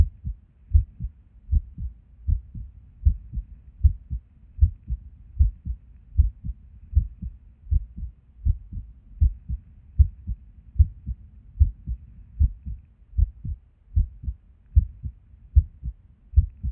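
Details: Resting heartbeat recorded at Erb's point while sitting at a desk: low thumps about 76 a minute with uneven spacing and occasional early or missing beats; irregular heartbeat, skippy with and without reason.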